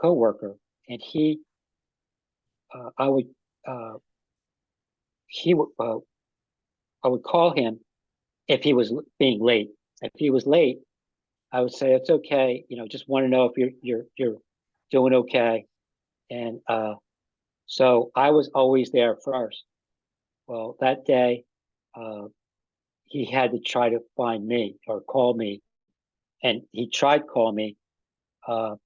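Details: Post-stroke aphasia in an adult man, about five and a half years after an ischemic stroke that occurred together with a heart attack; ongoing difficulty with names and word tenses.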